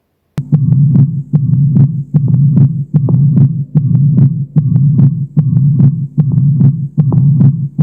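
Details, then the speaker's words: Mitral stenosis heard at the mitral area (apex): regular rhythm about 74/min with a quail rhythm of loud snapping S1, unchanged S2 and a mitral opening snap, plus a low rumbling diastolic murmur between beats. "точка аускультации – митральный клапан, митральный стеноз, диастолический шум."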